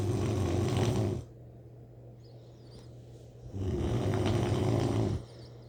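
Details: Sleeping person snoring like a grizzly bear; loud, low rattling snores on two in-breaths with quiet pauses between; ordinary heavy snoring.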